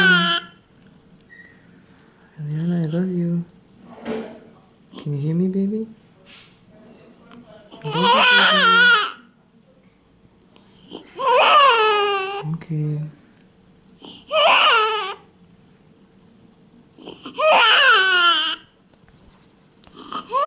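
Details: Newborn baby girl in her first few minutes after birth crying in repeated strong bursts, with an adult speaking softly between cries; newborn cry.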